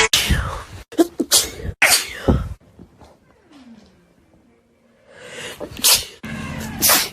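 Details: Compilation of sneezes from several different people in TikTok clips: loud, sharp sneezes in quick succession with brief quiet stretches between bursts; ordinary sneezing.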